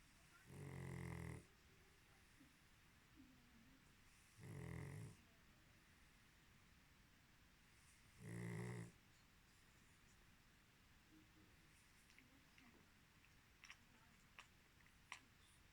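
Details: Pug dog snoring beside a burning candle: three deep, rattling snores about 4 seconds apart (around 15 breaths a minute) with faint crackling in the background; snoring.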